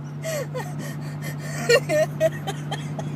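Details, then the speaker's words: Person hiccuping for about 40 minutes, laughing uncontrollably: repeated sudden high-pitched gasping catches mixed with laughter, over steady car engine noise; hiccups. "so you know those kind of hiccups that make you laugh really really really hard well I have those right now"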